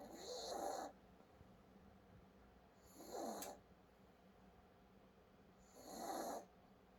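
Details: Snoring: quiet, airy snoring with three rasping breaths at about 21 a minute.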